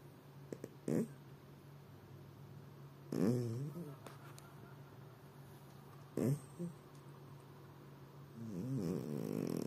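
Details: Cat snoring while asleep, lying with legs spread: soft, rough snoring breaths, roughly three in ten seconds, over a steady low room hum.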